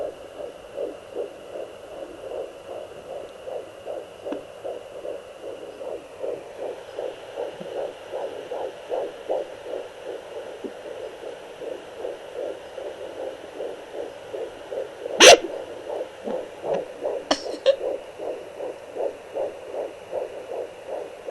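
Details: Fetal heartbeat on a home fetal Doppler during a daily check at 13 weeks 5 days of pregnancy: fast, regular whooshing at about 150 a minute, with brief louder scrapes from the baby moving and kicking.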